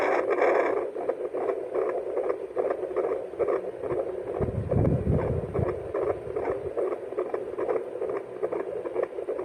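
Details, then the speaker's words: Fetal heartbeat on a home Doppler, checked because the baby had been still for a long time: fast whooshing pulses near 150 a minute through static, with a rumble of movement midway; heart rate judged okay. "Okay naman yung heart Pit niya So okay na ako na ako mag-worry so thank God muna"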